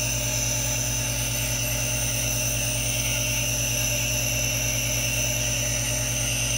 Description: No talking ASMR | white noise aerosol nebulizer for relaxation in calming blue light to draw attention to the hypnotizing vapors, with some hand movements if you're watching while listening.